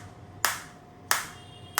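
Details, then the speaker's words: Focused (not radial) shockwave therapy machine firing in R7 mode at intensity 3: sharp, separate cracking shots, about one every two-thirds of a second. "so I will start the same and you will if I put the same you can see this is green now and I am getting the shot"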